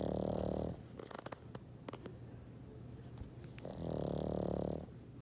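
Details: A sleeping pug snoring on a cold night: loud, rattling inhaled snores with a quiet pause and snuffling between them, two snores in about five seconds.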